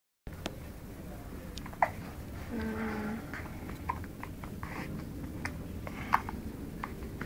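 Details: Several brief, sharp little catches of breath at irregular intervals over a quiet room background; an infant's hiccups while being carried upright and burped.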